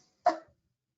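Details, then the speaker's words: Demonstration cough showing vocal cords interrupting airway flow after expiratory muscle contraction: a single short explosive burst with a brief voiced tail, then silence; cough. "um vocal cords moving in a characteristic way and interrupting the flow from the Airways following a contraction of the expiratory muscles"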